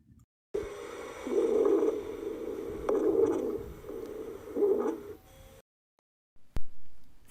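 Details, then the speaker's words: Wheezes: continuous musical, squeaky tones swelling with each breath, produced by narrowed airways; such sounds can sometimes be heard without a stethoscope. "son ruidos chillones producidos por las vías respiratorias estrechas las sibilancias y otros ruidos anormales algunas veces se pueden escuchar sin la necesidad de un estetoscopio"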